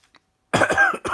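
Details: Adult coughing while recovering from the flu, with croaky voice; a cough.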